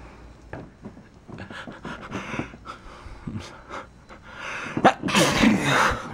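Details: Sneezing in a boy or young man: noisy breathing and movement, then a sudden sharp burst of breath followed by a rush of air; a spontaneous sneeze.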